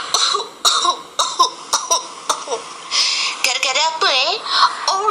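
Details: About seven short, sharp coughing bursts in quick succession, followed by squeaky gliding vocal sounds: repeated coughing that the person blames on haze.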